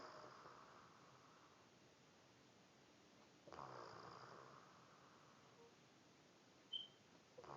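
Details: Soft, breathy snoring from a sleeping woman, two breaths a few seconds apart in a quiet room; ordinary snoring.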